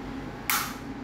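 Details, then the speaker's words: Fresenius Kabi Infusia VP7s infusion pump: a single sharp click as the infusion set is pressed in and the clamp snaps into place, before the clamp is slid down. "bunyi klep baru digeser ke bawah seperti ini"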